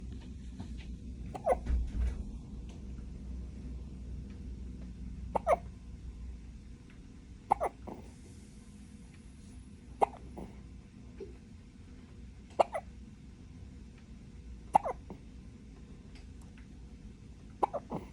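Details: Sharp, regular hiccups from an infant, about seven in eighteen seconds (roughly 23 a minute), over quiet room noise; baby hiccups.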